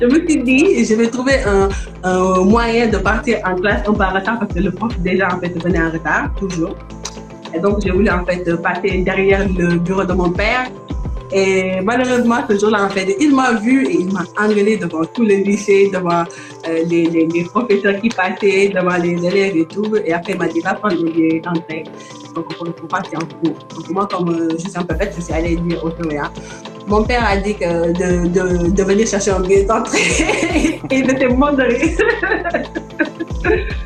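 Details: Adult Senegalese woman who stutters: stuttering.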